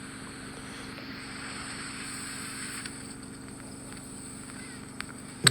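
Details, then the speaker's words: Endoscopic ear microsuction of severe impacted ear wax with keratosis obturans, a layered chewing-gum-like plug in the ear canal; steady hissing, whooshing suction noise with faint hum as the probe indents the plug. "you can see the suction probe it's kind of indenting itself but it's a really difficult thing to remove"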